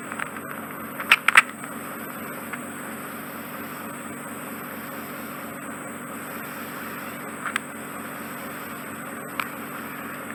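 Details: Adult Asian client with impacted wet clay/mud-like ear wax during endoscopic microsuction: steady hissing, whooshing suction with occasional brief crackles and pops as wax is drawn off.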